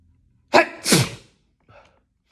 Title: Sneezing fit